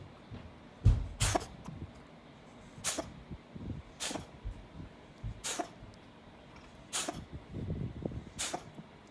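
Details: Cat sneezing fit, owner unsure if it is something else: six sharp, explosive sneezes in quick succession over about eight seconds with small snorts between; sneezing.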